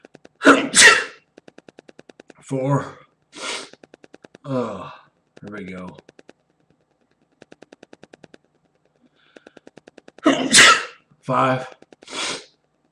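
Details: Adult man sneezing excessively, 12–13 times in a row: a run of loud, explosive sneezes in quick clusters with gaps between bursts; sneezing fit.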